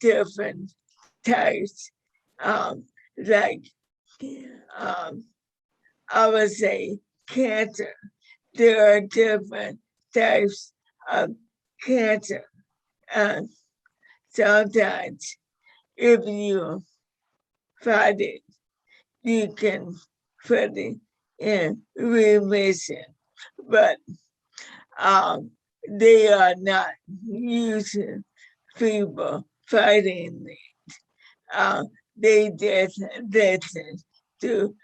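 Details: 61-year-old woman with motor neuron disease diagnosed five years earlier, with a 2–5 year prognosis at diagnosis; slurred speech was an early symptom with falls and weight loss, and severity varies day to day; managed with a carnivore diet; dysarthria.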